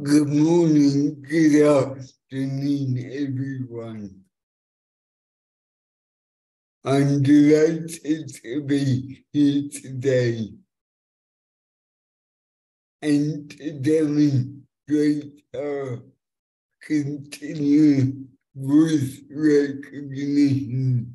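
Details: Adult man with cerebral palsy since birth affecting fine motor control and speech, after years of speech therapy, demonstrating a speech-recognition web app; finding: dysarthria (cerebral palsy).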